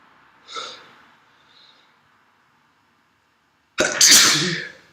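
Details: One loud, explosive sneeze preceded by a soft sniffing intake, in a quiet room, from a person with a cold who went on to have heavy nasal discharge.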